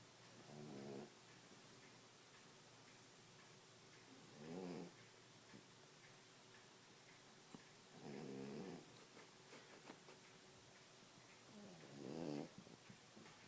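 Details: Sleeping cat snoring: soft rhythmic snores, about four in 13 seconds, each a low rattling breath with quiet pauses between.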